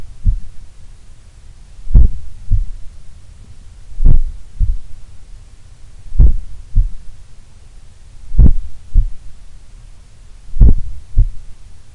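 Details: Relaxed adult resting in a sun room, possibly the lowest recorded resting heart rate: regular low double thumps, roughly 55 beats a minute; a slow, steady, normal resting heartbeat.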